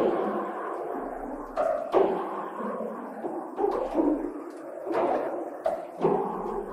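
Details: Cochlear implant hearing simulation of piano, from a user two years after processor activation with one functional ear: muffled, buzzy, warbling notes with sharp onsets, sounding more like a plucked guitar.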